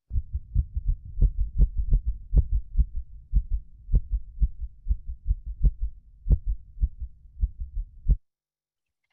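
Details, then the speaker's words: Dog with atrial fibrillation on auscultation: very fast, chaotic heartbeats with uneven spacing and varying loudness, like tennis shoes in a dryer; irregularly irregular rhythm of atrial fibrillation. "Some people say it sounds like tennis shoes in a dryer, or I always think that when I'm hearing a pet with it, I feel like I'm at a basketball court and a bunch of people are bouncing their basketballs at the same time. It just sounds all over the place."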